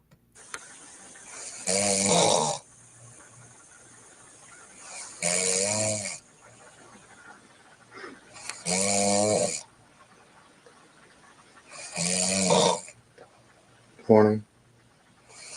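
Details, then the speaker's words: Woman snoring in sleep: loud, rough snores on each breath in, about 17 a minute, with quiet pauses between. Vibrating soft-palate snoring. "oh no she's lightweight but she's snoring but let's listen to this one okay she kind of she's on this is sounding like me more now now she's giving me some she's giving me some competition let's keep listening"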